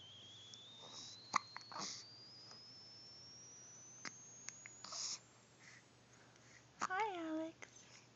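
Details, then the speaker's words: Hiccups in a person addressed as "buddy": repeated hiccup sounds followed by "Darn hiccups." "Darn hiccups. Darn hiccups."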